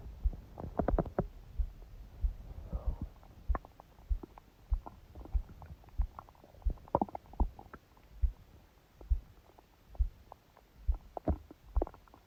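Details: Bowel sounds recorded from own abdomen during sleep, phone held on belly under a book; soft gurgles and rumbles over a loud, unexpectedly fast low-thumping heartbeat made audible by the pressure; ordinary bowel sounds.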